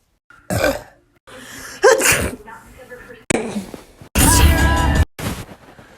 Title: SNEEZING COMPILATION